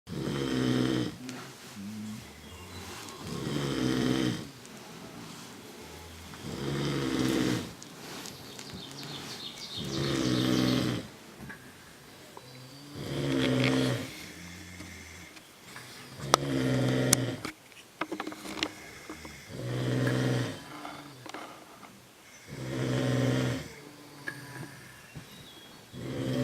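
Loud, regular snoring of a sleeping adult, about 19 breaths a minute.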